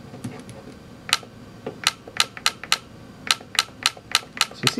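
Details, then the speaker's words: Sharp snapping clicks in irregular bursts, about 15 over five seconds: Ellex Ultra Q Reflex YAG laser pulses firing during vitreolysis of a Weiss ring floater in a phakic eye. "you can hear some clicking snapping sounds okay"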